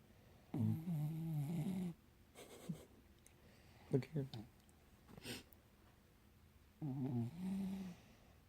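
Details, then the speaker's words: Dog sleeping beside her owner in a quiet room: low rumbling snores, two longer breaths a few seconds apart with soft snorts between. "Are you snoring, bro? Oh my god. Not me. Are you sure?"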